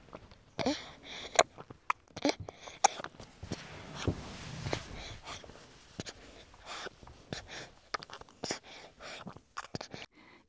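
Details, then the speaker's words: Infant girl (2, 4 or 5 months) breastfeeding, recorded in an anechoic chamber: soft wet sucking clicks and small gulps, with quiet breaths heard and a few seconds' pause after each swallow: nutritive sucking and swallowing. "And once again In addition to suckling and swallowing we can also hear breathing. Baby pauses for few seconds after each swallow."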